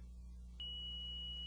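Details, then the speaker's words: Charge ready tone of an M-Series defibrillator after charging to the selected energy through paddles applied to the chest, in an in-service demonstration: a steady high-pitched tone starting abruptly over a low hum, signalling it is ready to shock. "charging to the selected energy level the charge indicator on the apex paddle will light the charge ready tone will sound and the energy display will show ready and the selected energy level"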